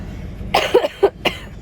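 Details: Short burst of three to four harsh, moist coughs from a pregnant woman about 21–24 weeks, with a bad cold since about 19 weeks; lips sore from coughing, recorded in the back of an RV.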